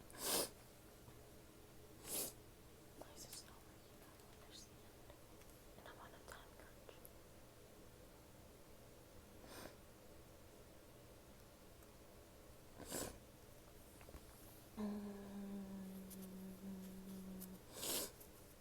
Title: sneezing, a bit of coughing and some nose blowing. a small bit of talking at the end ;) (f)